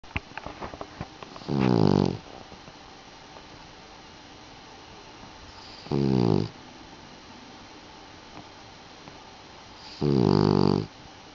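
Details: Puggle dog asleep: three loud, vibrating snores on the breath, about four seconds apart, quiet between, roughly 15 breaths a minute; snoring.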